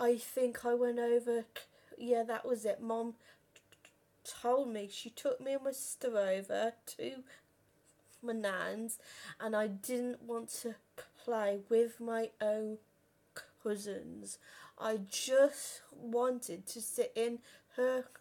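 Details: Stuttering in a 32-year-old woman who has stammered since about age five or six, worst on the phone; had speech therapy and learned breathing techniques at 15.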